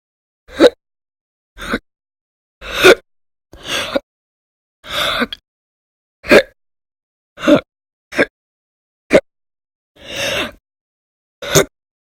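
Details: Audio-only recording from January 2020 of violent, loud hiccups in a person whose bouts lasted many hours a day: eleven short, sharp gasping bursts at irregular intervals, about 52 a minute. Persistent hiccups.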